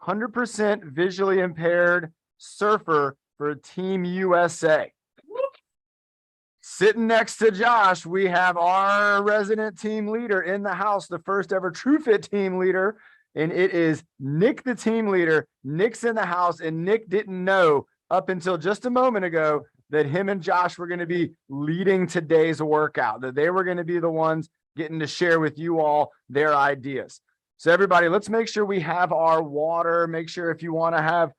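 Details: Adult male speaker; typical speech.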